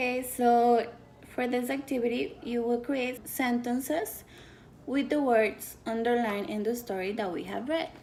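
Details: Adult female speaker; typical speech.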